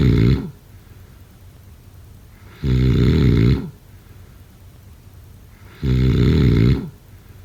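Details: Loud, deep, rattling snores on each breath in, with quiet breaths out, about 19 breaths a minute.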